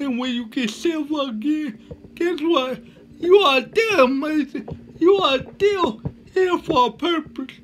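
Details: Man with cerebral palsy speaking with slurred speech that is hard to understand: dysarthria due to cerebral palsy.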